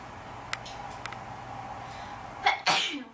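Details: Induced sneeze in a quiet room: a few faint clicks, then a quick intake of breath followed by one sharp, explosive sneeze.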